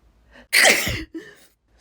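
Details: Sneeze deliberately induced by tickling the nose; a single forceful sneeze with a brief sharp intake of breath before it and a short breath sound after.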